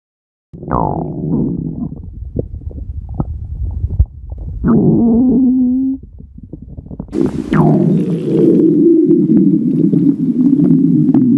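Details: Red panda at feeding time: loud, low rumbling and gurgling with a few drawn-out groaning tones; normal stomach growling (borborygmi).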